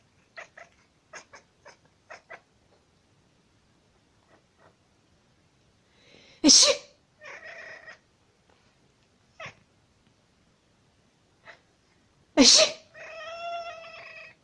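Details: Cat responding to its owner's sneezes: two sharp, explosive human sneezes, each followed by the cat's meow, with soft background sounds between them.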